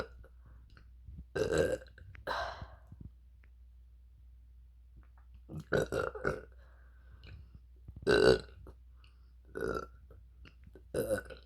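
Several loud, deep voiced burps in a row, some in quick pairs, with quiet between; repeated belching.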